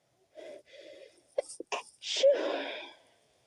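Two short breathy inhalations, then clipped held-back bursts and a fuller released sneeze; ordinary sneezing, partly stifled.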